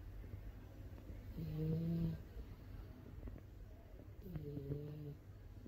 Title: Mike- snores #shorts #frenchbulldog